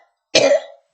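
A single short, harsh cough burst from an adult woman, fading quickly into silence.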